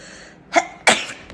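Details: Jisoo sneezing: a quick indrawn catch followed by one forceful explosive burst, a single sneeze.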